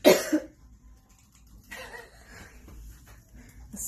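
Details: Woman with lingering symptoms after testing positive for COVID-19 in April, with extreme fatigue after exertion; the gasp starts with chest pain then gagging, like a weird yawn; sudden harsh gasping burst, then quiet breathing: involuntary gasp.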